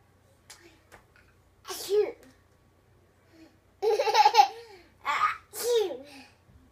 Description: Our 20 month old recently started to fake sneeze after we sneeze.